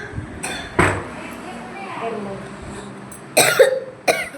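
A few short, sharp coughs from an adult, separated by a quiet pause in a small room.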